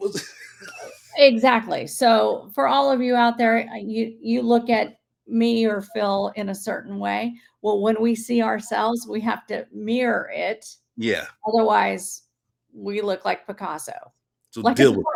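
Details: Adult woman speaking; normal speech.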